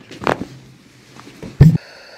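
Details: Chiropractic side-lying lumbar adjustment around L4–L5, with the patient breathing out and relaxing: an audible joint cavitation crack during spinal manipulation.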